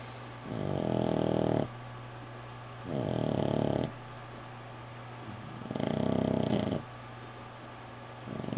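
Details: Female dog recovering from fight wounds, with drains in her arm, snoring while asleep: slow, rhythmic, rumbling snores about every 2.5 seconds over a low hum; owner says she has snored worse.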